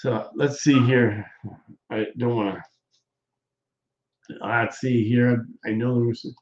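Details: Aphasia in a male stroke survivor, with hesitations and word-finding pauses; he says doing his show is therapy for his aphasia, and a viewer notes he has improved.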